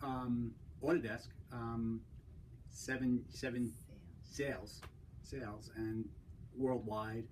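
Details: Man with a stroke 10 years ago that limits his communication and use of his right side; he relies on his wife to express basic needs. Aphasia.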